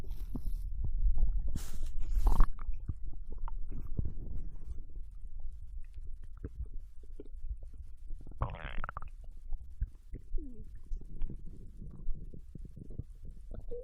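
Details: Bowel sounds of ramen digestion from a Japanese girl, recorded while she lay on her side in bed after eating: frequent low gurgles and rumbles with a brief squeaky gurgle, normal post-meal digestion.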